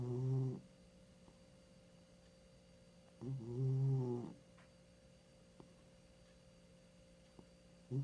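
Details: Low, droning snores with a faint whistle, about three in eight seconds, over a quiet steady hum; a 15-year-old female cat snoring.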